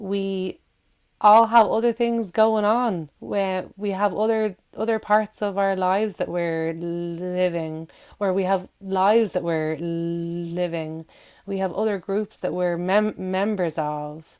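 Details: Adult woman who stammers, giving a recorded talk; repetitions of words and syllables audible; stuttering (stammering).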